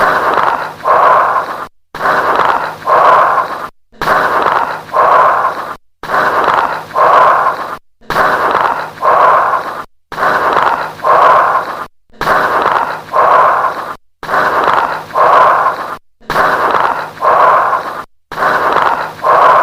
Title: BRONCHIAL BREATH SOUNDS AND LATE-INSPIRATORY CRACKLES| BREATH SOUNDS | AUSCULTATION